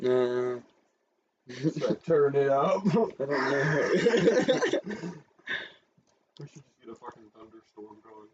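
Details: Speaker with Tourette syndrome talking; frequent censored interjections likely represent vocal tics; vocal tics (Tourette syndrome).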